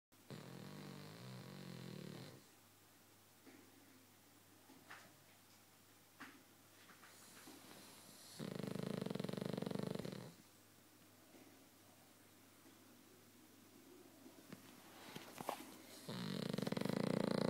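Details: Loud rattling breaths on and off, likened to a fog horn, with quieter snuffling and small noises between them in a small room: snoring during sleep.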